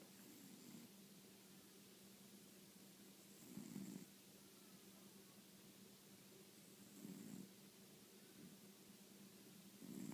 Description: My fat cat snoring on my bed...yes, she needs to go on a diet!!!